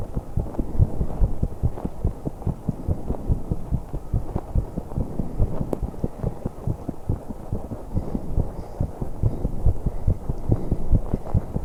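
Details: 21-year-old female's rapid heartbeat, roughly 140 per minute, while holding her breath for a few seconds during exercise; fast, steady low thumps with rubbing and breath noise.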